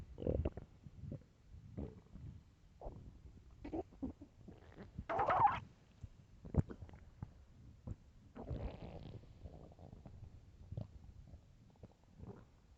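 Low gurgling rumbles and squeaks come and go over several seconds: stomach growling from an empty, active gut, a normal sound.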